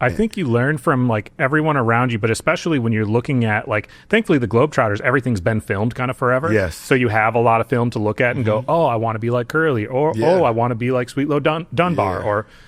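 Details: Adult man speaking; ordinary speech.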